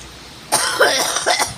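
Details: Loud, harsh coughing fit of a few bursts outdoors over street and bus noise on Ashton road, recorded 20/2/2024; cough.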